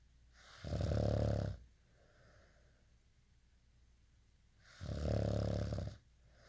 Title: day in life snoring asmr sound 243